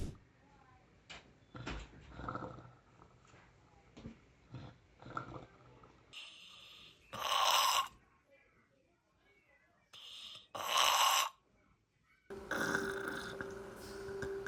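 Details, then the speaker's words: Real footage of the death rattle (terminal secretions) in a dying hospice patient at the end of life: noisy, gurgling, snore-like breaths; such rattles vary, some louder, some softer, some like snoring. "some death rattles or terminal secretions sound worse than others in the sense of some are louder some are softer some sound like snoring"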